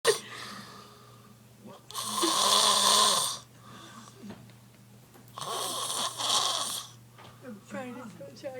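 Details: Adult man passed out asleep on a couch, "chainsaw" snoring: two long, loud, harsh rasping snores on the in-breath with quieter breathing between.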